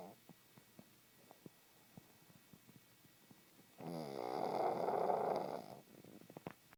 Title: Snoring pug